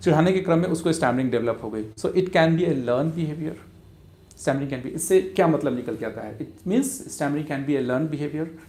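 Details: Adult man speaking; normal speech.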